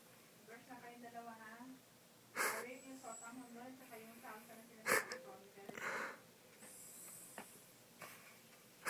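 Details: Wheeze during sleep breathing in a sleeping female dog lying down: high, whistling, whine-like squeaks with snorts and breathy puffs, a wheezy, whistling snore.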